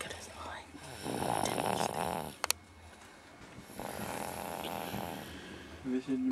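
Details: Baby snoring during sleep: two long, rattling snoring breaths, then brief voices at the end.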